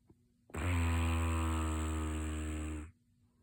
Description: Cracks me up! The culprit swears that they don’t snore!